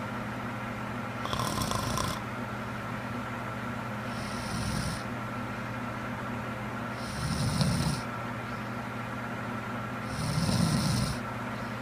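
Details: A sleeping woman (girlfriend): regular rasping snores on each breath, about 20 a minute, over a steady room hum; snoring.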